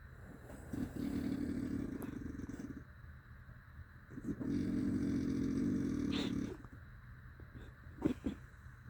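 Long, buzzing, engine-like snores on breathing in, two in this stretch, with quiet gaps between.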